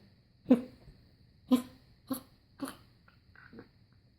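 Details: Puppy gives four harsh, honking coughs, then softer gagging sounds, typical of kennel cough.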